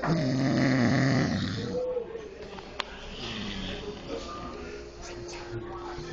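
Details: Person passed out asleep in a restaurant, snoring: one loud rattling snore, then restaurant chatter and clatter.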